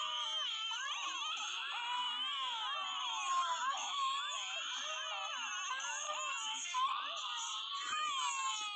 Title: the newborn Baby hiccup crying